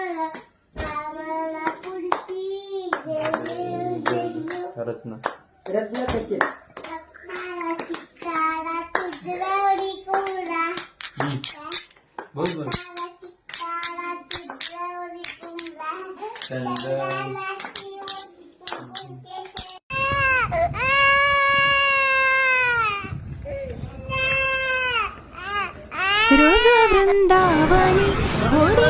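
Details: Baby's loud, high-pitched wailing cry in the final seconds, after group devotional singing with clapping during Ganesh visarjan; infant crying.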